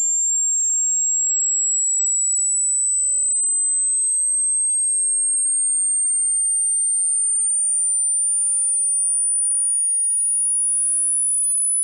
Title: hearing checkkk👂😊#shorts #hearingcheck #check #hearing